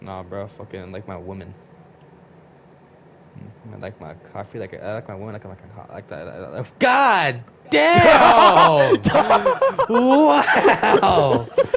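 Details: Male speaker who stutters; stuttering.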